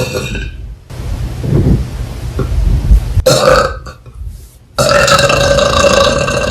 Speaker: really burping in your face